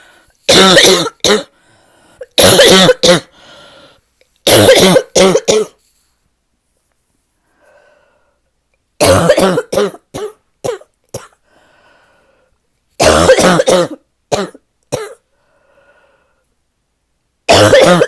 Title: #5 - this might be my deepest barking cough yet